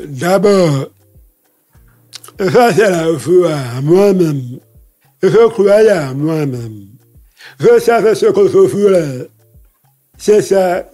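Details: Deaf speech in a man who lip-reads, whose hearing loss followed a childhood illness; he says his voice has not been normal since then, speaking French.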